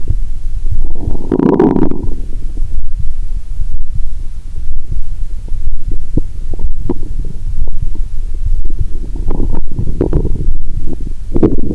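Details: Adult lying down after drinking cola with Mentos, stethoscope on the abdomen, heartbeat also audible: low muffled rumbling with gurgling bursts and frequent soft pops; active bowel sounds.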